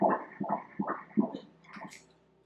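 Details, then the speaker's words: Obstetric ultrasound Doppler at 15 weeks of pregnancy: rapid, regular whooshing fetal heartbeat at 155 beats per minute, a normal rate. "155 beats per minute, 155."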